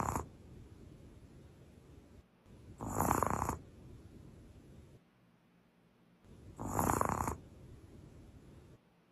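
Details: Snoring from a sleeping cat that had recovered from an illness and was being told a bedtime story: two louder rough breathing noises about four seconds apart, with quieter breaths in between.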